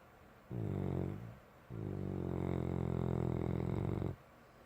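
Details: Sleeping animal snoring: two low, rattling breath sounds, a short one then a longer one, with quiet pauses between.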